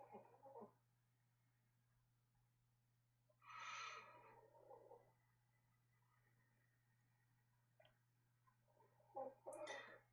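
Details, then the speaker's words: Dog asleep on a bed snoring loudly: three loud, rattly, gargling snorts spaced several seconds apart over a steady low room hum. "I can actually see the the sound lines going up when she snores loud you guys can definitely hear that oh she's so loud"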